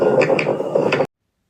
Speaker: Hay crepitantes gruesos que se escuchan en neumonía y en insuficiencia cardíaca